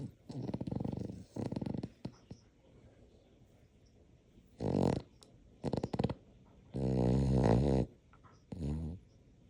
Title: Snoring dog fast asleep !